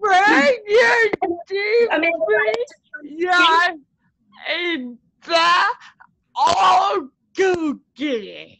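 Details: Adult woman with cerebral palsy whose muscles get tighter when she gets excited, making her speech harder to follow; dysarthria (cerebral palsy).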